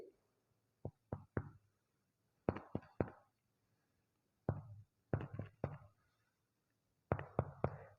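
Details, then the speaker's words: Respiratory physical exam demonstration on an adult male patient: groups of two to three hollow, low-pitched taps with short ringing decay, percussed comparing right and left sides of the back; normal resonant (sonor) percussion note. "selanjutnya saya akan melakukan perkusi di bagian belakang kita bandingkan antara Pak bagian kanan dan bagian kiri"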